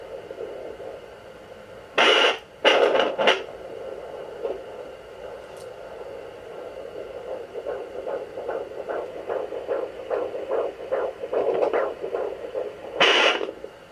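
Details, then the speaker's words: Fetal heartbeat at 16 weeks of pregnancy on a home Sonoline B Doppler, found with slow circular probe motions by a non-professional: fast, regular whooshing pulses about 150 a minute between loud probe scrapes. "baby's heartbeat that's how I picked it up because I knew exactly where to find that little baby so if you guys can hear it that was it"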